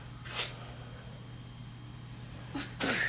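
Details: Baby being burped after feeding, stretching; two short, sharp, hissing bursts a couple of seconds apart against steady room hum, fitting small sneezes.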